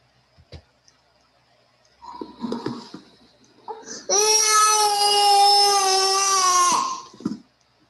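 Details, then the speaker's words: Two-year-old child with severe bronchial obstruction and wheezing: whimpers then long, loud, sustained cry; wheeze disappeared during and after crying without medication; crying. "during the cry he has been disappeared no vision more after the crying but it was a cry of body and soul"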